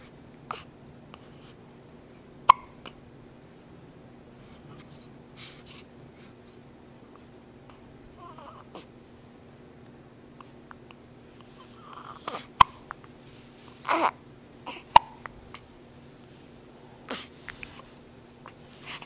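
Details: Sparse, short, sharp hiccups spaced irregularly over quiet room noise with a faint hum.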